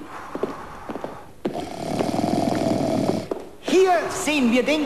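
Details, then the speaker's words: Acted, simulated snore from a comedy TV sketch: a long, rattling, buzzy in-breath followed by whistling, wavering out-breath sounds, presented as the common snorer; snoring. "fall - vulgaris den gemeinen schnarcher jeder versuch dieses geräusch zu bekämpfen ist aussichtslos und zum scheitern verurteilt"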